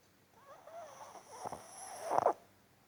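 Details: Pug, tagged as a puppy, snoring: a single snorting, whistly breath ending in a rough nasal snort.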